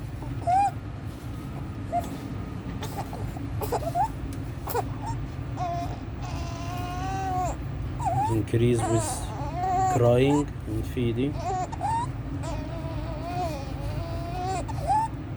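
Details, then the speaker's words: 14-day-old full-term newborn admitted with meconium aspiration, now resolved, fussing and crying with noisy high-pitched breathing in, suprasternal and intercostal retractions worse with crying and feeding; title names laryngomalacia as most common neonatal cause: inspiratory stridor. "Just baby having inspiratory stridor, suprasternal retraction, intercostal retractions, increase with crying and feeding."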